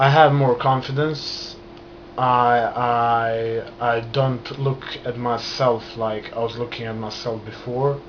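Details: Adult man who has stammered since childhood, beginning after a trauma; he still stutters and controls it with hand movements and breathing; stuttering.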